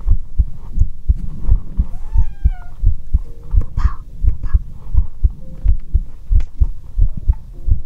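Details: Regular low thumping at about 86 a minute heard through a stethoscope in an ASMR recording, with faint rustling and brief tones; normal heartbeat.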